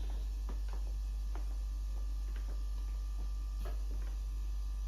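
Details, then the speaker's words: AIROS 8 pneumatic compression pump with the new pants garment for lower-body lymphedema, worn lying on a table: low hum and ticks as eight chambers inflate in sequence to about 38 each; chambers 7 and 8 inflate, then it deflates. "So right now it's inflating 7 and now 8. And now it's deflating right now."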